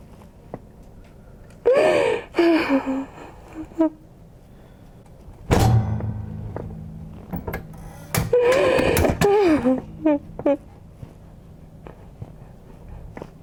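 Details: During a fascia healing session, a woman being adjusted by a chiropractor gives sudden voiced gasps and cries after dull thumps of the adjustment in a quiet room: gasping.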